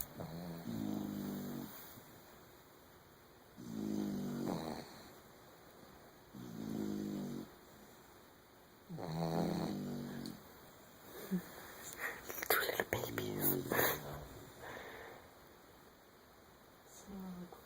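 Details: Sleeping puppies: rhythmic rattling snores about every 2.7 seconds, roughly 22 a minute, followed by shuffling noise; snoring.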